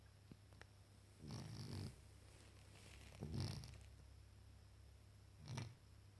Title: Snoring cat Freddy